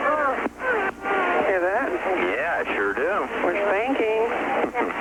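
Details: Thin, wavering cry of a premature-looking newborn heard over a telephone line after rescue breaths and compressions, in an acted reenactment; baby later described as lethargic.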